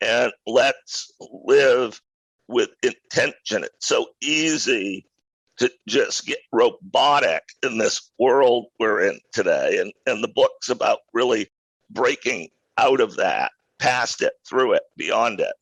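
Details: Adult male who acquired a rare neurological voice disorder in 2012 that made speaking difficult, still audibly present years later; neurological voice disorder.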